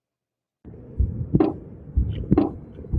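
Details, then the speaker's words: Paired heart sounds at about 63 beats a minute with a continuous blowing noise filling the gap between beats; mitral regurgitation murmur. "so if it's regurgitating then the honic valve is not closing all the way so when the blood is going back down"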